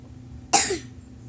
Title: I was coughing so much